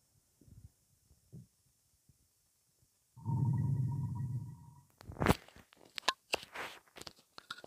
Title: Gassy belly